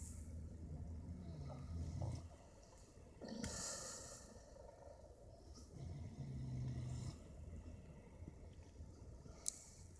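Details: Wild boar family sleeping outdoors in winter at a wildlife park: low rumbling snores rising and falling with slow breaths, with a brief snort and outdoor noise; snoring in sleep.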